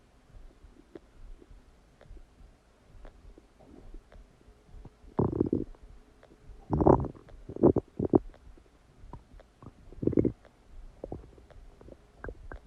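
Irregular gurgling and rumbling bursts with small pops between them: ordinary stomach and bowel digestion sounds after a meal.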